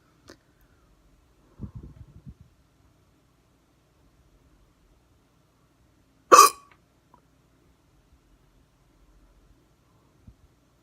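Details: Hard hiccups recorded with the camera on the neck: a single sharp, loud hiccup gulp in a quiet room, with faint throat noises before it.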